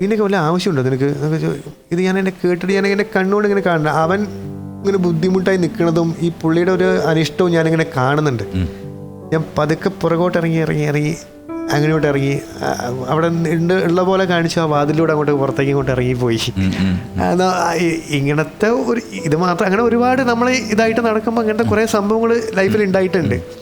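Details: Adult male actor who has a stutter, speaking Malayalam on a TV talk show; stuttering.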